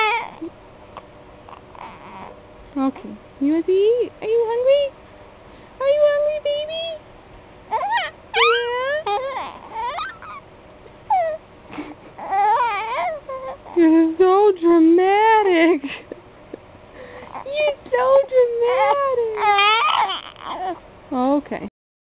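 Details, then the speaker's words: Infant's fussy, whiny "fake" cry, with intermittent rising and falling pitch. The infant was not hungry and fell asleep after about 30 seconds of feeding. "do your little face no that's not your po face that's your cry face yeah you cry face"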